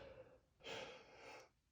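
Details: Person with flower allergy acting cartoonish sneezes after sniffing lilies: a single sharp, noisy in-breath, a gasp acted as the build-up to a sneeze.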